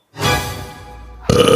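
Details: A single drawn-out, low, voiced belch fading over about a second, then a burst of music, in a comedy short that labels it a hiccup; a burp.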